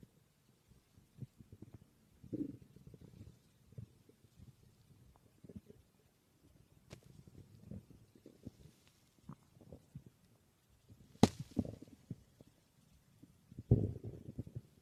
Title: My stomach growling 🥰